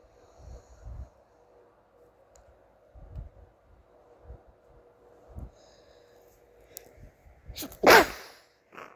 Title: sneezing